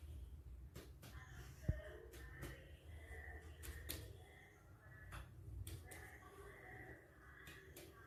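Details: In a head-to-toe physical examination of a male patient, sharp finger taps, mostly in pairs, move from spot to spot on the back in a quiet room. They give a normal resonant lung percussion note.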